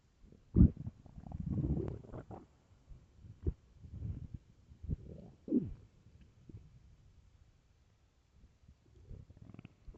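Low gurgling rumbles and bubbling squelches come in waves over ten seconds; loud stomach growling from an empty stomach, a normal sound.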